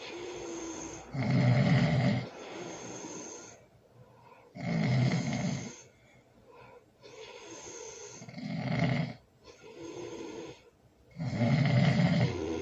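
Loud rattling snores on breathing in, with quieter breaths out, about 18 breaths a minute, somewhat irregular.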